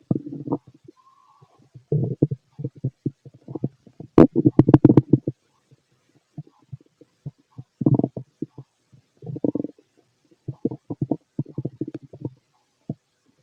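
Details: Stomach growling from a fit male heard through a stethoscope: frequent irregular gurgles and rumbling bursts from the abdomen; normal bowel sounds.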